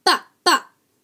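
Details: Two brief, identical voiced bursts with no words: a simple vocal tic as seen in Tourette syndrome.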